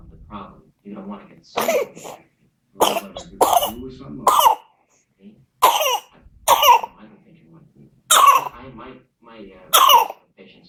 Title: whooping cough in 7 week old baby